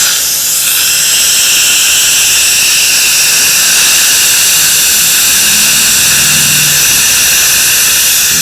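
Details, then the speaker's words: Dental air-water spray gives a loud, steady hiss while rinsing etchant off the teeth during orthodontic indirect bonding (Custom IQ system). The rinse comes before the Assure adhesion promoter is applied. "okay, open for me just a little bit. And then I just rinse them really well."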